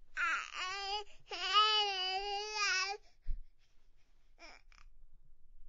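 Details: Two drawn-out, high-pitched infant cry wails, then quiet and a brief whimper.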